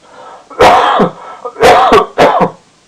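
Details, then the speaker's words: Adult speaker lecturing whose voice is failing and forcing them to cough: three harsh, voiced coughs in quick succession, each with a brief second catch, in a quiet room, a short coughing bout. "pour ma voix qui me lâche et qui m'oblige à tousser"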